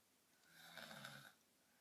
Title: Girl Snoring.